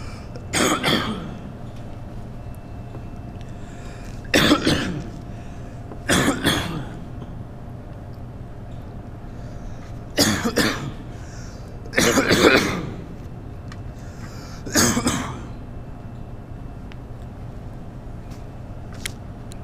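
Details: Six separate loud coughs over about twenty seconds with steady low background hum, performed by an actor in a 2011 art film about a cougher.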